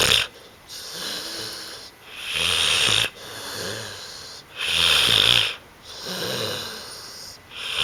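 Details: Pit bull-type dog snoring loudly on a couch after a long day of running around: regular noisy breathing with harsh, whistling snores on alternate breaths, about 24 breath sounds a minute.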